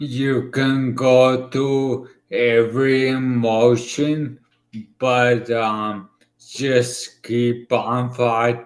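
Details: 40-year-old man about two years after a right-hemisphere ischemic stroke affecting his left side and part of his tongue and mouth, who relearned to speak: dysarthria after stroke.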